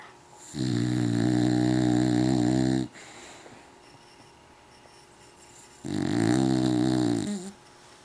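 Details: English bulldog snoring until waking with cotton mouth: two loud, long, rattling snores, each one to two seconds, separated by a quiet pause.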